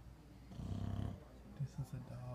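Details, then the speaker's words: Snoring from a big dog: a deep rumbling snore followed by a few short snorting sounds, louder than a human's snoring. "This dog snores louder than a fucking human, okay? This is what we listen to."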